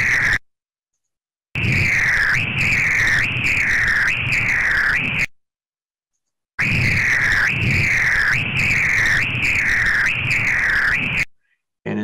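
Continuous high-pitched Doppler whoosh that barely dips between beats, about 75 a minute: low-resistance, continuous flow of a traumatic arteriovenous fistula.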